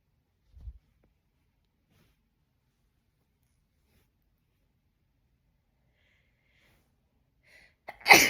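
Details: One sharp, explosive sneeze after a faint in-breath, a long quiet pause and a short inhaled gasp; a single sneeze.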